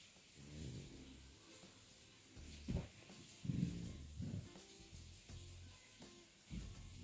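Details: Sleeping pug gives low, rumbling, snuffly snores in a slow, uneven rhythm, with faint background music; ordinary dog snoring.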